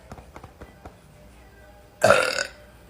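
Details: Young woman deliberately burping after drinking flavored drinks: a single loud, deep burp lasting about half a second, after faint clicks and tapping.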